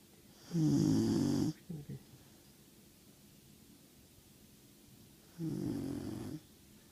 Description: Duke our 16 week old German Shorthair Pointer snoring after a long day at the beach!